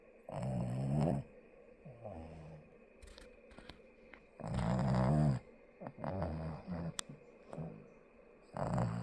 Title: deep snoring 😴